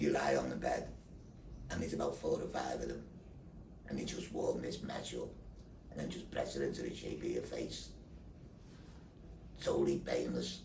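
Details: Tracheoesophageal speech via a neck voice valve in a man after total laryngectomy with thyroid removal and neck dissection for laryngeal cancer, followed by six weeks of radiotherapy.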